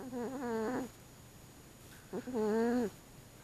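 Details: Loud tonal whistling snores, one per breath about two seconds apart, from a sleeping 25-pound overweight male cat napping during the day, filmed on an action camera; feline snoring.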